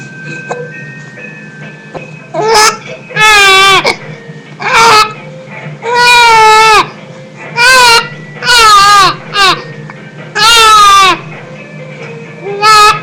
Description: MY BABY CRYING AND HAS THE HICCUPS I THOUGHT IT WAS FUNNY.